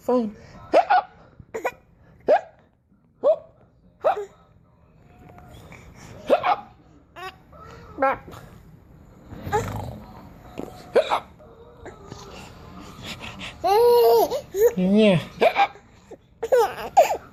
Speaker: You still have the hiccups? Yeah. Uh-huh. Let's see if we can make hiccups go away.